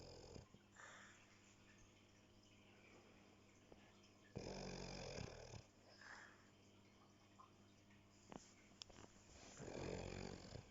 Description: Filmed as she slept (and snored)